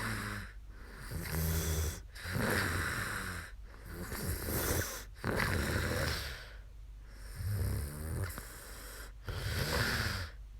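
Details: Woman snoring after falling asleep on a live stream: loud, rough snores on each in-breath about every 2.5 seconds (roughly 24 a minute), with quieter out-breaths between.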